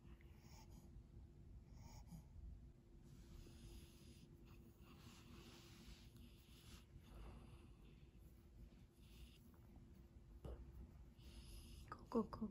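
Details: A sleeping French bulldog puppy snoring.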